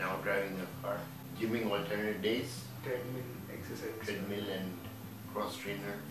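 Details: 41-year-old man with spinocerebellar ataxia type 3, three months after stem cell therapy, with improved but previously very slurred speech, swallowing problems and double vision; ataxic dysarthria.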